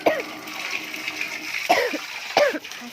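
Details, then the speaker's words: Three short, hoarse coughs over steady outdoor noise from breathing lingering wildfire smoke outdoors at a turtle pond, with an itchy throat: an irritated-throat cough. "masih banyak asap kebakaran aku masih batuk-batuk jadi kita ini kalau bernapas tuh yang kayak tenggorokan gatal karena ini yang kita hisap ini"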